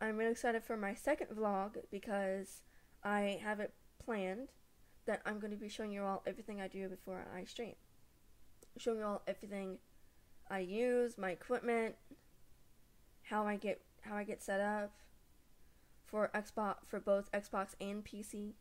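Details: Stuttering since age 3, about 15 years, in a young woman, with repetitions and mainly blocks, felt in the throat; she uses word substitution learned from speech therapists.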